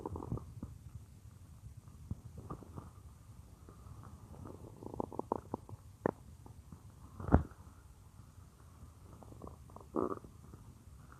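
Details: Female's stomach growling while she works at a computer, heard with the listener lying on her abdomen: low rumbling and scattered gurgles and squeaks over quiet room noise, normal bowel sounds (borborygmi).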